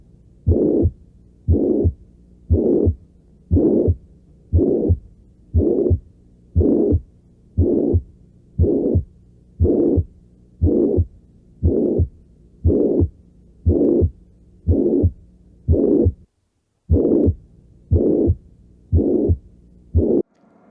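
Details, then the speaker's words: Regular heartbeat near 59 per minute, each beat carrying a prolonged blowing murmur from defective mitral valve closure letting blood leak from left ventricle to left atrium; mitral regurgitation murmur. "por el cierre defectuoso de la válvula mitral que genera una fuga ésta llamada regurgitación en la regurgitación de sangre desde el ventrículo izquierdo hacia la aurícula izquierda en cada latido"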